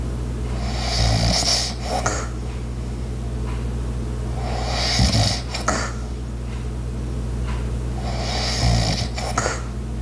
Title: light Snoring Sounds while other Sounds in da back ground #asmr #asmrsounds